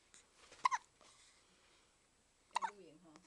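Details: Baby hiccuping: two abrupt short catches of the voice about two seconds apart with faint voicing after; she hiccups often and did so even in the womb.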